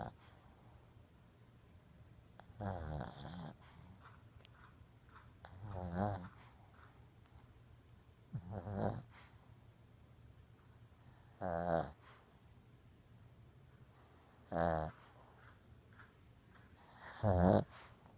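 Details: Sleeping Shih Tzu dog: six rattling, fluttering snores about every three seconds, near 20 breaths a minute, against quiet room noise; snoring during sleep.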